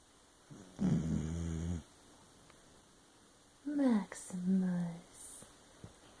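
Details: Dog sound asleep and snoring loudly; two low, rumbling snores with quiet pauses between; snoring.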